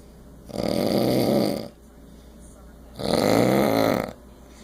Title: snoring in tampa